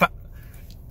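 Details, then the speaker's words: Adult man with Tourette syndrome, tics worse after caffeine: a single abrupt, honk-like vocal burst, then quiet; sudden involuntary vocal tic. "people just call me and i i have tourette syndrome"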